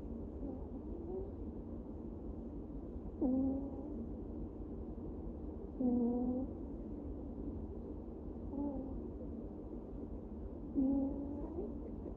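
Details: Soft, slightly whistling snores with each breath, about 23 a minute, from a sleeping cat over a low steady room hum; snoring.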